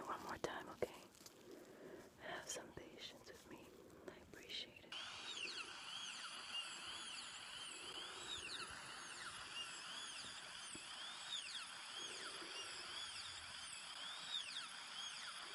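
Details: Simulated dental filling drill in an ASMR dental surgery roleplay, bite being adjusted after an amalgam filling: steady high whining drill with rising and falling pitch sweeps after soft handling noises.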